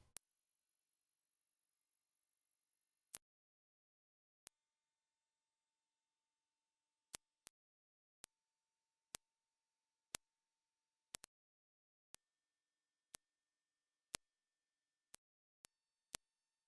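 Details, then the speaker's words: Hearing test at rising frequencies above 8,000 Hz: two long, very high-pitched steady tones, then faint brief clicks. Extreme high pitches are lost first with age; hearing all of them suggests under about 20 years old. "we grow older, we often lose the extreme ends of our hearing spectrum. So, how many of the following sounds can you hear? How old are your ears?"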